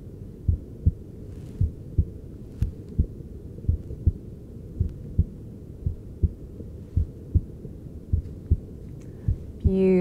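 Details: Normal heart sounds of an adult male patient heard in real time with a handheld device while seated before cosmetic facial injections under anxiety; regular low thumps around 80 a minute.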